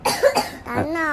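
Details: Child described as refusing ice cream for fear of coughing: a short burst of two or three quick coughs, followed by a brief voiced sound; an ordinary cough.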